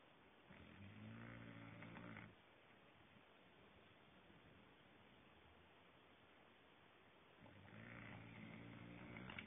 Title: Dexter the Englishbull dog snoring away on a THU afternoon